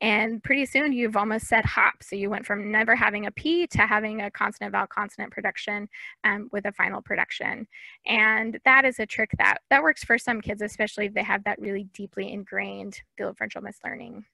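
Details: Adult woman speaking; typical speech.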